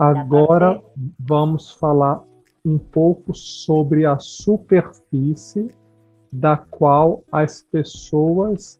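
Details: Adult speaker; no disorder.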